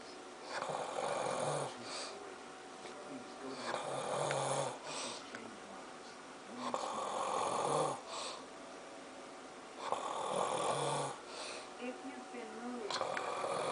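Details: Father asleep, with a child also asleep: loud, rough snores about every three seconds, around 20 a minute, with quieter breaths between. Adult snoring.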